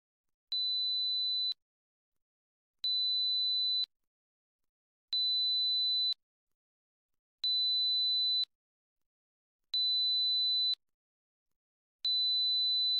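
High-pitched steady beeps, each about a second long, repeating regularly; a 4 kHz pure-tone hearing test signal.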